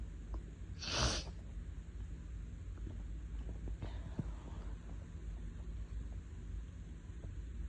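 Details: A person with a lingering cold, very sensitive, sneeze induced by tickling the inside of the nose with a thin makeup brush while in bed: a single sharp sneeze, then quiet breathing.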